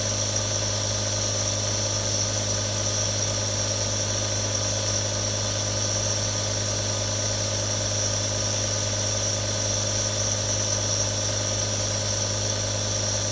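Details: One of three real nebulizers running: a steady mechanical hum with a constant hiss and buzz and an unchanging level from the compressor.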